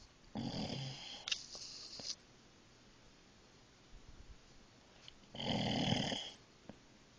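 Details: Two loud, rattling snores from a sleeping dog, each about a second or two long, with quiet pauses between them in a small room.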